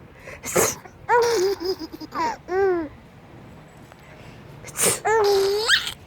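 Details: Mother sneezing twice, sharp and hissing, a few seconds apart, while her baby giggles and babbles between them, delighted by the sneezes.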